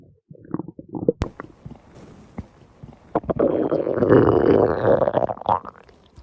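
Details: Stomach growling (borborygmi): irregular gurgling and rumbling from the abdomen with a longer rolling growl, from gas and fluid moving through the gut.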